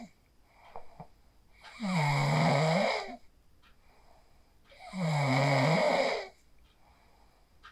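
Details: Real sleep snoring recorded on a phone after practicing the 4-7-8 breathing technique (inhale 4, hold 7, exhale 8): deep, vibrating snores on each breath, about three seconds apart, in a quiet room.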